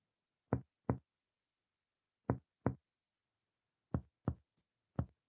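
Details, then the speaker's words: Percussion along the left midaxillary line, patient in right lateral decubitus with left arm and leg crossed over; paired taps give hollow lung resonance high up, then duller flatter notes of normal splenic dullness around the 9th–11th intercostal spaces. "La percusión sigue la línea medioaxilar. Comenzamos bien arriba y escuchamos la sonoridad pulmonar."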